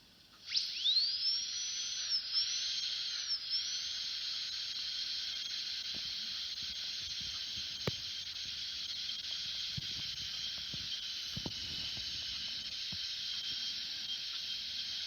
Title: Dentist drill sound effect